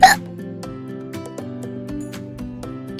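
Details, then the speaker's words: Simulated hiccup sound in an animated educational video for kids: one sharp, sudden burst followed by background music. Hiccup. "but when you are having a bad case of the hiccups the sudden gulp of air makes your vocal cords slap against each other this causes the loud"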